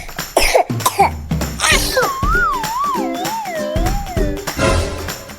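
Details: Acted advert scene of a child with flu and high fever: a few short, harsh coughs, then a whistling music cue; simulated cough.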